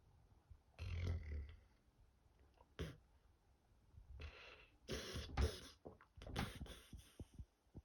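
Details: Dog asleep, snoring: low, rumbling snores and snorts in irregular bursts between quiet stretches.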